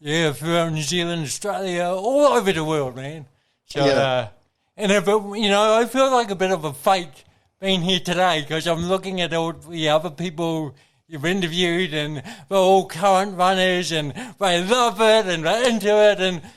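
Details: Adult man with congenital cerebral palsy, a brain injury from oxygen loss during birth, with thinking intact; real dysarthria (cerebral palsy).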